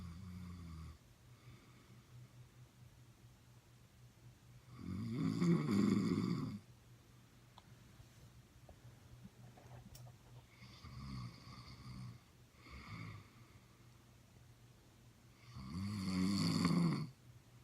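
Low rumbling snores on breaths about five seconds apart, with softer snorts between and a steady hum in the room; ordinary snoring.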